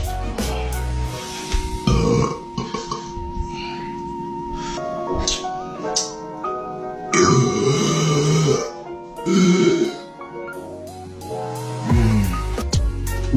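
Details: Compilation of a male gym-goer burping during an eating challenge: several loud, drawn-out belches over background music.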